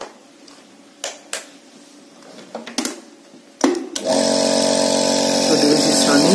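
A few clicks and knocks, then a steady motor hum and whir from a suction pump running.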